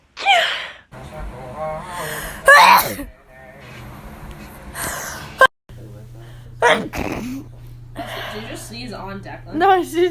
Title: TikTok Sneezing 42